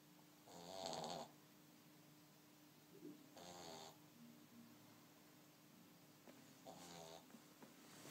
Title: Jasper the snoring dog